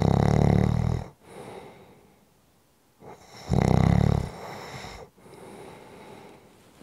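Loud, deep, rumbling snores on the in-breath, each followed by a quieter out-breath, about one cycle every three seconds; snoring.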